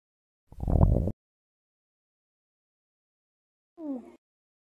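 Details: Two brief low gurgling rumbles from the belly, ordinary hunger-related stomach growling (borborygmi).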